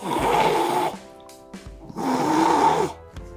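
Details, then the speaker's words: Two loud, rattling inhaled snores with quiet gaps, imitated by a sleep specialist demonstrating throat-obstruction snoring, contrasted with nasal-obstruction snoring; simulated snoring. "심해지면 이런 소리가 나는 거는 목이 막힌 소리. 코가 막히면 이런 소리. 쉽게 이해를 하시면 되겠습니다."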